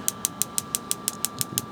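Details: Radial shockwave therapy on an adult male's elbow extensor mass strain from gym overuse, second session: rapid, evenly spaced sharp clicking pulses, about six per second, over a steady faint hum.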